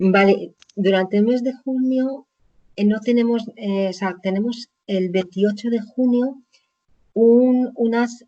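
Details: Woman with chronic aphasia after a stroke about 20 years ago, speaking in an interview.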